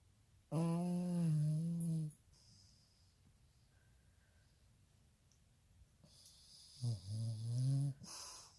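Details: A 14-year-old Puggle snoring while asleep: two long, loud, buzzing snores about six seconds apart, with quiet breathing between them.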